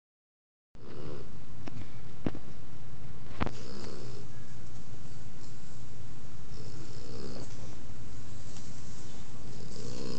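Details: Sleeping puppy snoring very loudly, like a human: loud, continuous, rough rumble with faint rhythmic swells and a few sharp clicks, partly masked by noise; heavy snoring.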